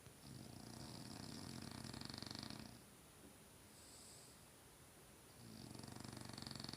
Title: French bulldog snores